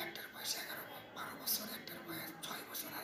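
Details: Hoarse voice in an adult man (about 29–32) from a vocal cord tumour, onset about six months earlier, with ear pain, throat pain and weight loss.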